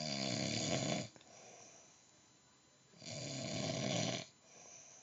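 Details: Adult man (the filmer's dad) snoring in his sleep: two loud rattling snores on breathing in, about three seconds apart, with quiet breathing between; ordinary snoring.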